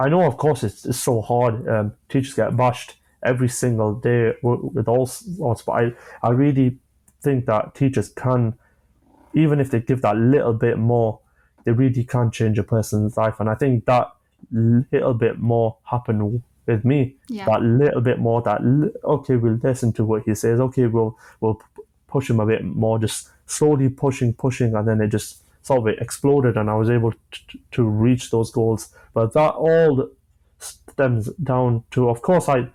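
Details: A 25-year-old male with stammering (stuttering) since early childhood, beginning after an asthma attack; he experiences blocks and manages them with breathing techniques and pauses.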